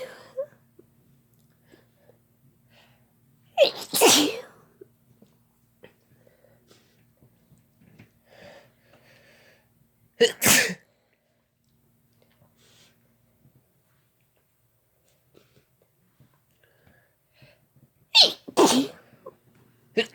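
Four loud, explosive sneezes in a quiet room, some overlapping as two people sneeze, triggered by sneezing powder.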